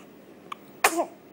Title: Baby girl,1 week old, sneezing. Hilarious!!